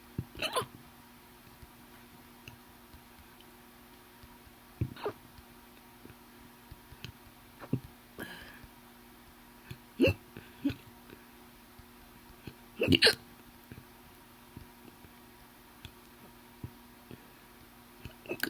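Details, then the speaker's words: Hiccups: sharp, abrupt gulping hiccups repeat every few seconds in a quiet room, some deep and forceful. "That was a weird hiccup. Oh, I wonder if you guys can hear how deep they are and stuff."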